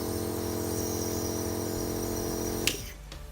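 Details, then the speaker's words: Steady electric hum with a faint buzz from a nebulizer compressor switched on for mouthpiece steam inhalation during a setup demonstration, ending with a click as it turns off; nebulizer compressor running. "ठीक है दोस्तों, ये हमने इसमें लगाया और मशीन को ऑन किया। इससे हम अपने मुंह में भाप ले सकते हैं ऐसे।"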